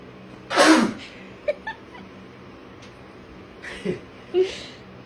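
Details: Repeated sneezing, possibly from allergy (wondered aloud): one sharp, loud sneeze, then smaller sniffs and softer sneeze-like bursts against a quiet room hum.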